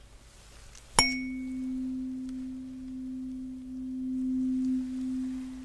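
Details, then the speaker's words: Simulated cranial nerve exam role play, hearing test: sharp tuning fork strike then steady, slowly fading pure hum while the patient reports when it stops. "next we're going to do a tuning fork test and i'm going to create a vibration sound please let me know when you don't hear it anymore"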